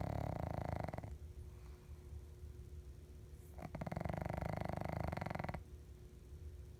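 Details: Two long, loud, fluttering, rattly snores over steady background noise from a pug dog sleeping under a tree.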